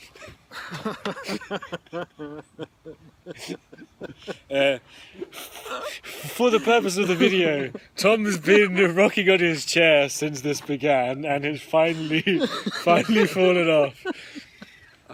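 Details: Real stuttering (stammering) in a podcast co-host who openly discloses that they stammer.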